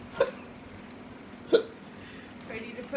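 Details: Hiccups described as coming like contractions, about one second apart: two sharp, brief hiccup sounds about 1.3 seconds apart with a faint third, against quiet room noise; hiccups.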